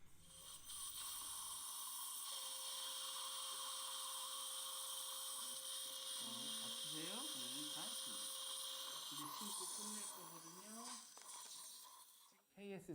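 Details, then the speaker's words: Implant surgery at missing tooth #47 in a 59-year-old osteoporotic woman: 5.0 by 8.5 guide drill doing final drilling with pumping action and saline irrigation, steady high-pitched drill whine shifting pitch with pressure. "5.0 by 8.5 one guide drill is used to do final Drilling"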